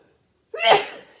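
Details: A single quick, sharp sneeze after a short silence from an adult woman talking during a knitting podcast, followed by "excuse me". An ordinary sneeze.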